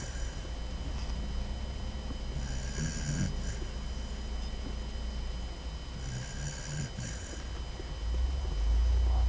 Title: Basset Hound puppy snoring